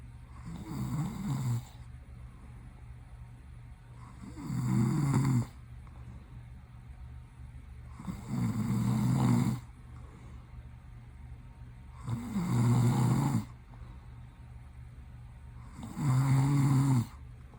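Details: Adult boyfriend snoring while asleep, eyes opening during sleep: loud rhythmic snores about every four seconds, roughly 15 a minute, with quiet breathing between.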